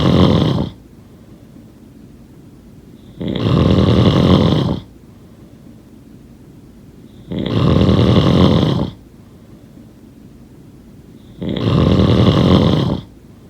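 Loud, rough snoring on each breath, about 14 breaths a minute, with quiet pauses between.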